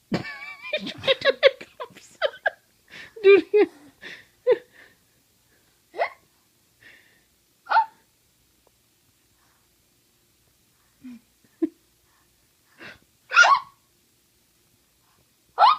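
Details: Baby with hiccups: brief voices, then about six short, sharp, isolated hiccup bursts spaced several seconds apart in a quiet room.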